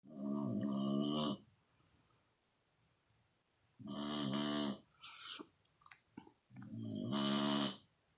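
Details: Loud snorer: long voiced snores recurring about every three seconds, with quieter snorting sounds between them; heavy snoring.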